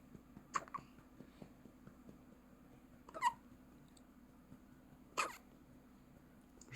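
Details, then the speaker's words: Three sharp, brief catches of breath a few seconds apart in a newborn baby, hiccuping for about a minute, eyes looking sideways while hiccuping, against quiet room noise; hiccups. "咋办？打1分钟了，打的难受了。一会儿就好了，多拍一会儿就好。"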